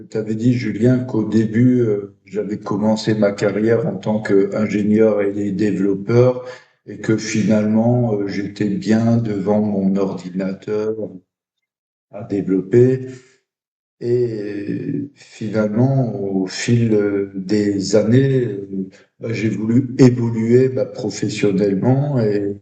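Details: Stuttering in an adult French-speaking man who stutters.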